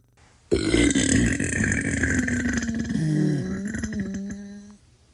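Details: Burp sound-effect compilation: one long, drawn-out, low, rough voiced belch lasting about four seconds; burping.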